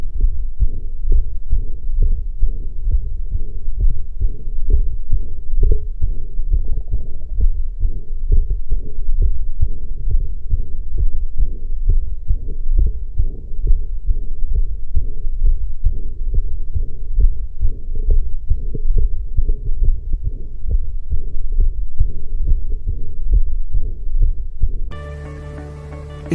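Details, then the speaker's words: Regular heartbeats with a soft whooshing mid-systolic murmur, a functional flow murmur from increased, accelerated forward blood flow rather than outflow tract pathology. "severos un soplo mesosistólico. Esto no implica patología del tracto salida, sino más bien a un aumento y aceleración del flujo antereógrado."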